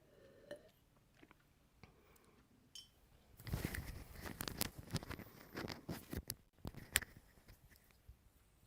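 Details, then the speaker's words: Teaching example of coarse crackles, played while teaching dysphagia breath-sound assessment as a possible sign of aspiration after thin-liquid trials. Irregular, low-pitched popping and crackling bursts cluster mid-recording. "so I want you to listen again to coar crackles"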